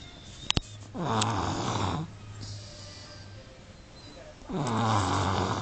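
Two loud, rough, low snores a few seconds apart, each lasting about a second, after a couple of sharp clicks: snoring in a toddler.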